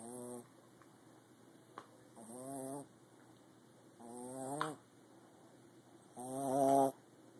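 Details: Tonal, buzzing snores about every two seconds in a quiet room; steady snoring during sleep.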